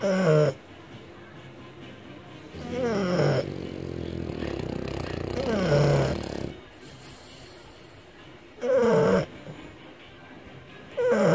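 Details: A French Bulldog snoring very loudly: rumbling snores with long drawn-out breaths, about 11 per minute, with faint background music; heavy snoring in a flat-faced dog.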